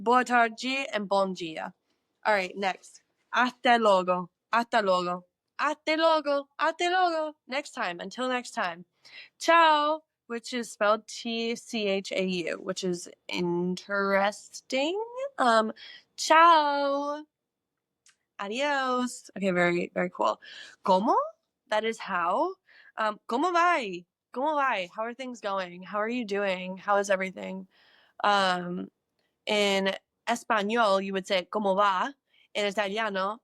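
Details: Woman who says she experiences echolalia, often with words in other languages, repeating a single word over and over: echolalia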